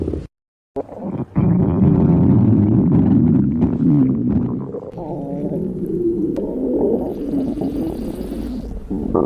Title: stomach growling